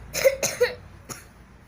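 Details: Three short, fairly dry coughs in quick succession, the last weaker, in a quiet room; patient with cough and chest pain on breathing, asked to cough as a test during traditional treatment.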